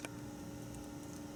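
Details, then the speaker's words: Nursing tracheostomy care and suctioning demonstration: wall suction set to regular at 80–120, a sterile catheter is attached and a finger is placed over the catheter to confirm suction works: suction catheter function test. "by putting your finger on the suction catheter to make sure that the suction is working and it is"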